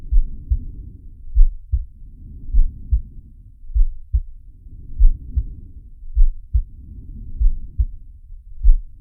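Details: Sharky's heartbeat and breathing sound, from the Zig and Sharko cartoon: low regular heartbeat thumps, about 100 a minute, under slow soft breaths rising and falling roughly every two seconds.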